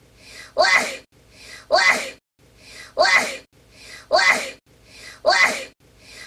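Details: Part of an unusual-sounding run of 30 consecutive sneezes: five sneezes in a steady run, each a soft intake followed by a sharp burst, about one every 1.25 seconds; repeated sneezing.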